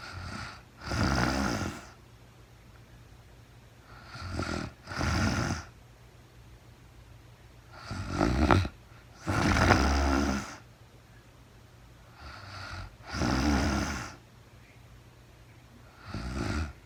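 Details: A woman sleeping in real time, with no talking, snores loudly and rattlingly with each breath, often as paired in-out sounds, at about 15 breaths a minute, with quiet room noise between.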